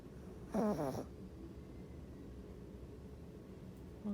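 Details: Female pug snoring while sleeping.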